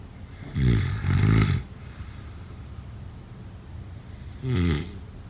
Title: Snoring sounds … #7